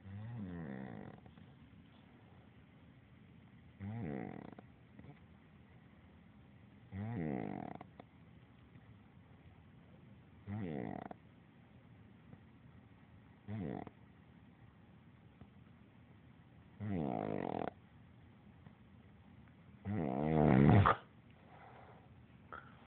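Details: Person who snores every night: regular rattling snores on each in-breath, roughly every three seconds, about 20 breaths a minute, growing louder toward the end.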